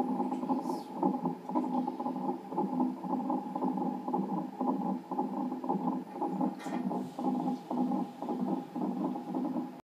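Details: Fetal heartbeat on a Doppler monitor during a non-stress test at 40 weeks of pregnancy with polyhydramnios, reactive reading: rapid whooshing pulses, roughly 115–140 a minute.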